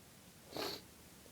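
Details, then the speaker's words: A single loud, forceful sneeze in a quiet room from an adult with a cold who is having repeated uncontrollable, itchy sneezing fits. "Oh God, I'm gonna sneeze again. I feel it building."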